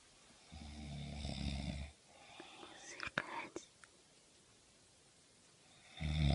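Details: Loud, low, rattling snore on each in-breath, with a quiet pause and faint rustling before the next one; annoying snoring.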